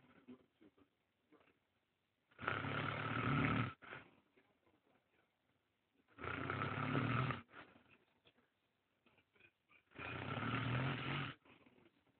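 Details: Person described as snoring so heavily they can't breathe: loud, rough snores about every four seconds, roughly 16 a minute, with quiet gaps between; heavy snoring.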